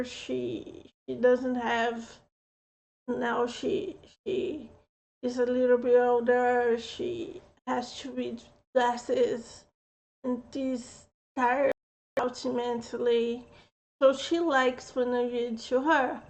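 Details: Speech impediment with mild slurred speech in an adult woman.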